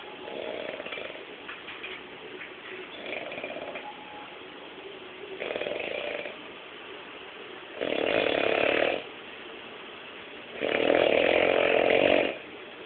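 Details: Snoring: loud, rough, buzzing snores in regular cycles with quiet gaps between breaths, growing louder toward the end; ordinary snoring.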